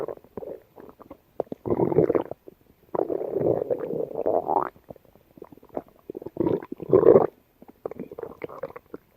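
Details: Yellow Labrador dog gut sounds: irregular gurgling, bubbling and rumbling from the belly; ordinary bowel sounds (borborygmi).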